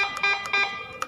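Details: Hawk i1 infusion pump alarm tone, shown while adjusting the sound volume setting: repeated electronic beeping in short bursts at a set volume.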